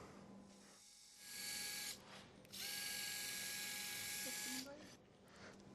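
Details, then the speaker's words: Two high-pitched whining bursts of a power wire driver with quiet room noise between, passing a wire medial to lateral through the leg, anterior to the fibula, Charcot midfoot reconstruction frame, type 2 diabetic with neuropathy. "then we'll play a wire from a medial to lateral you want to be cautious here"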